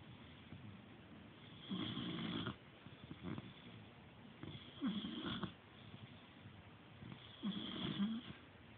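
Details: Older pet asleep in a feather ball bed: three low, rattling snores on in-breaths, roughly 20 a minute, in a quiet room; snoring.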